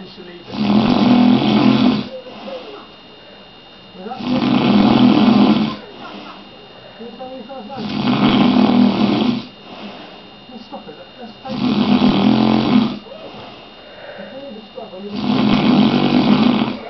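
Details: Snoring dad asleep: loud, rough, rattling snores on each breath in, about every four seconds (roughly 15 a minute), with quieter breaths out between.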